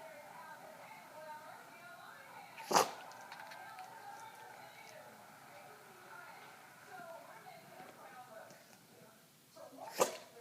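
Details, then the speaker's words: Dog in a sneeze attack despite allergy pills and having its face washed: two short, sharp sneezes several seconds apart over quiet room noise; sneezing. "Oh, I washed your face and everything, just to make sure you could help you stop sneezing. I'm so sorry you have a sneeze attack."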